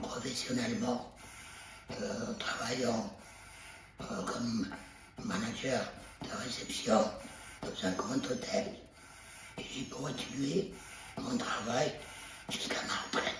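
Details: Tracheoesophageal speech in French from an adult man 33 years after total laryngectomy with removal of larynx and vocal cords, speaking with a Provox voice prosthesis after being unable to speak for the first years.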